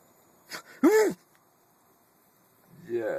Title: OH! Otis & Harvey- Sneeze